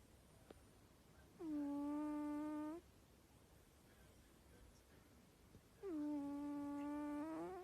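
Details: Two long, steady, whistling tones about four seconds apart, like a pet's high-pitched snore during sleep; a pet snoring.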